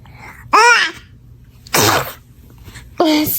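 Two or three sharp, high infant sneezes, each a quick catch then a burst of air, with brief vocal sounds between; ordinary baby sneezing.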